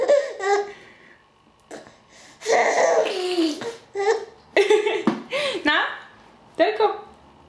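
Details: Baby laughing while having hiccups: giggles and belly laughs broken by sudden short catches of breath; hiccups during laughter.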